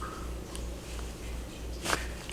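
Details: A single sharp crack over low room hum: joint cavitation as the thumb and its structures are manipulated during manual therapy/chiropractic treatment.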